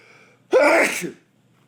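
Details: Male with a tickly, itchy nose: a single loud, explosive sneeze after a brief quiet moment; the nose still tickles afterward.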